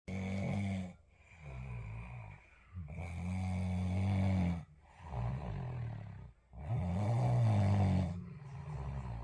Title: Snoring!